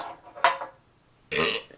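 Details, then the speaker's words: Man burping right after chugging a whole can of extra-dry ginger ale fast: a short gulp followed by a loud, drawn-out belch. "my friend is back with a blaster of burps"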